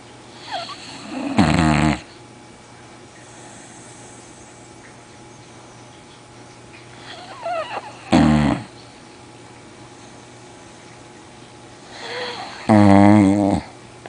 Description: Our boxer, Duchess, is quite a snorer!